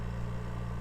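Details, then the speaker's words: Steady low motor hum of an oxygen concentrator, flow set at 3 liters, running just after being switched on to supply an incubator; normal device operation. "so to turn on your oxygen concentrator you're just gonna press the on and off button"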